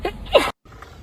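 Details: A single short, sharp burst of air, cut off abruptly: a girl sneezing when a Covid-19 nasal swab test sets off a sneeze.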